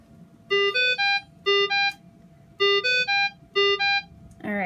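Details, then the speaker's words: GE Carescape ventilator secondary high-priority alarm, sounding when the first alarm goes unanswered for 30 seconds: repeating groups of loud electronic tones over a steady background tone. "there's a secondary high-priority alarm if you do not respond within 30 seconds soon you're gonna hear this"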